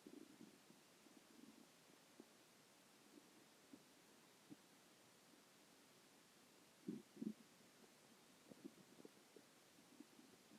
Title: stomach growling 2